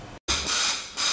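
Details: Hissing of noninvasive high-frequency jet ventilation through a soft-edged transparent face mask, using a Paravent device with a multi-jet generator, usually size 10; used for pulmonary edema, respiratory depression or respiratory failure.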